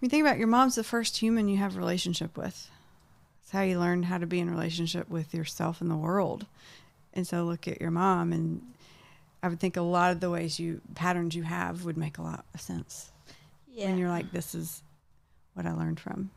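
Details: Adult woman speaking; Typical speech.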